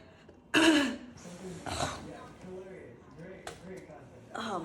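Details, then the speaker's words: Effortful post–tummy tuck coughing by a patient with chest congestion after intubation, bracing against a pillow: a single forceful, rough cough, then a weaker throat-clearing cough and soft groaning breaths. "man all right that one wasn't as bad I've had worse ones I think I think my abs are getting stronger but that's a quick tip if you need a cough brace yourself push against the pillow and yeah let a big one out make it worth it"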